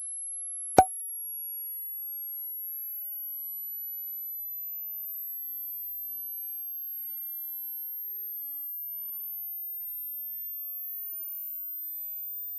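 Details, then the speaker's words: Simple hearing-age test: a steady high-pitched tone slowly rising in pitch; the point where it fades from hearing is said to mark hearing age, and a hearing age above one's real age suggests a problem. "هتسمع معي الصوت ده واول ما يختفي هيبقى هو ده العمر بتاع سمعك طبعا كل ما يبقى اكبر من سنك معناها ان في مشكله"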